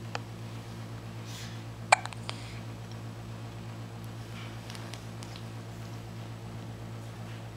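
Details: Hiccups: a few sharp, brief hiccup sounds early on, then quiet, over a steady low electrical hum.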